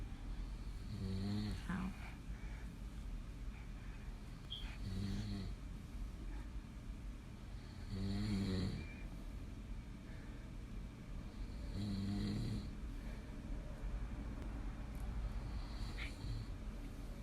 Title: Disrespectful child & daddy’s snoring 1/12/2019